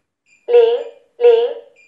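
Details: MMCall wireless infusion alarm device that automatically detects infusion and notifies nurses when a drip is finished: two clear chime tones in a quiet room; infusion alarm notification chime.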